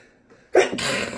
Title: 가장 아름다운 재채기 ㅋㅋㅋ #aroha #astro #kpop #espirro #funnyvideo